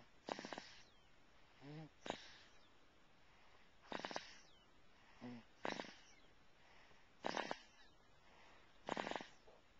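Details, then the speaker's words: Heavy snoring from an infant asleep in his car seat after a plane trip: noisy rasping snorts about every 1.5 seconds, faint squeaks between them, around 38 breaths a minute. "now he's still in his car seat and uh he was snoring very acutely so we'll see if we can capture that"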